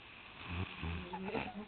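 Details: Person snoring while sound asleep: two low rattling snores, each a short vibrating breath, over faint room noise.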